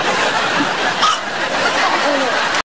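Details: Eight-month-old infant: brief, sharp catching sounds over steady background hiss and faint voices, ordinary hiccups.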